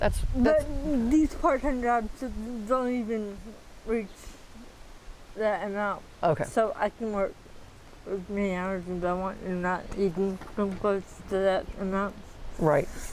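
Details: 40-year-old woman with athetoid cerebral palsy, full-body involvement (quadriplegia), moderate to severe physical involvement, GMFCS level 3/4, uses power wheelchair; speech can be hard to understand; dysarthria (athetoid cerebral palsy).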